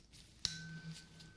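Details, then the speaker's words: Simulated ASMR role-play hearing test: tuning fork lightly struck, then a steady fading pure tone, used on both ears with eyes closed, listener asked to report when the sound stops. "I have a tuning fork. And I'm going to be using a tuning fork on both of your ears. It's going to sound like that."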